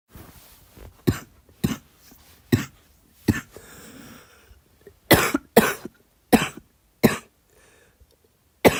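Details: Girl coughing: about nine short, sharp dry coughs with brief pauses, from a child.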